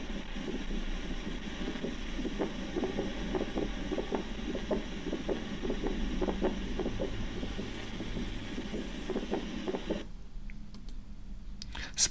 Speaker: Okay, now pulmonary ejection click, please. Pulmonary ejection click, once again.